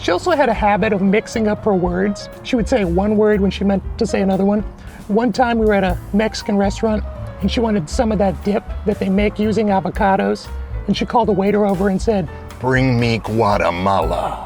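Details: Adult man with a persistently high-pitched voice, untreated by choice; mutational falsetto (puberphonia).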